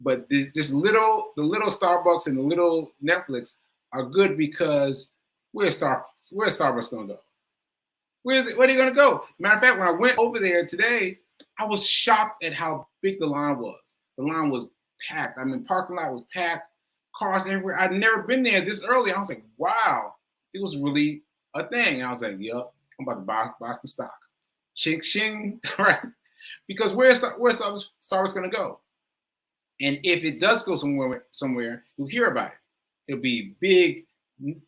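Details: Adult male stroke survivor with aphasia and self-reported word-finding difficulty, speaking live; aphasia after stroke.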